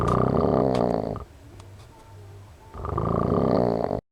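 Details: A friend snoring loudly enough to wake the house, recorded close up: two loud, buzzing, coarse vibrating snores separated by a quieter breath. Snoring.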